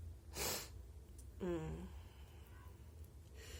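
A sharp explosive burst of air, followed by a brief voiced sound, fitting a sneeze, over steady low room hum.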